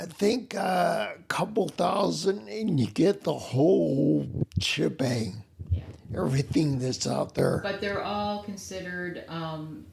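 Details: Adult man with spinocerebellar ataxia, a rare neuromuscular disease with mobility challenges and noise-induced anxiety; slurred words that sound drunk, unclear on the phone; ataxic dysarthria.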